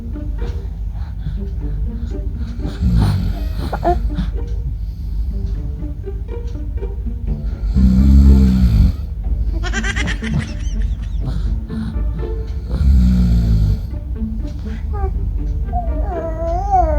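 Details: A father snoring: two loud, deep snores over background music, followed by a baby's vocal sounds reacting; snoring.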